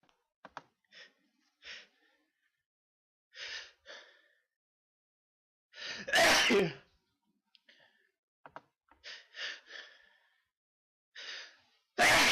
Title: Sneezes